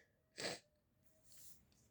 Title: My brother is sick part 2 sneezing🤧🤧🤧